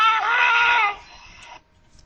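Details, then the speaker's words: Expiratory grunting in a newborn: brief high-pitched bleat-like voiced sound on each expiration, accompanied by other signs of respiratory distress such as nasal flaring and subcostal retraction. "lo encontraremos entonces en problemas en los que haya una hipoxia básicamente se encuentra en recién nacidos escuchemos el quejido y observemos al mismo tiempo otros signos de dificultad respiratoria como aleteo nasal y retracción subcostal"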